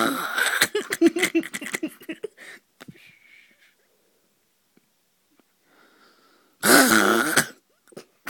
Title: When you just wanna sleep and can´t stop SNORING